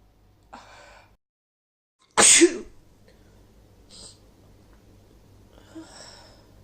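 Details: Woman coming down with a cold takes a soft in-breath, then one sharp, forceful sneeze, followed by quieter sniffs and breaths: a single sneeze.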